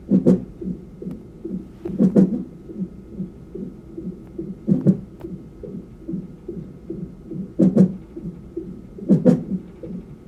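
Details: Fetal hiccups in the womb, heard as louder rhythmic thumps every couple of seconds over a rapid, whooshing fetal heartbeat.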